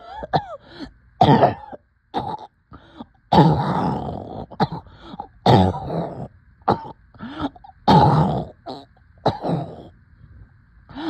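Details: Coughing with shortness of breath: repeated harsh coughs and throat-clearing bursts in irregular runs, about 29 a minute, with strained breaths between them.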